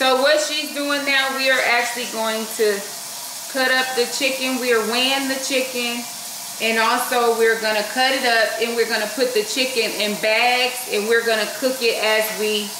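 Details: Adult woman speaking; normal speech.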